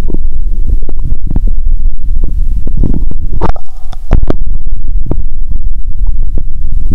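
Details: Stethoscope on the abdomen of a hungry woman around noon, before eating or drinking cola: loud, deep rumbling and gurgling with sharp pops; active bowel sounds (stomach growling from hunger).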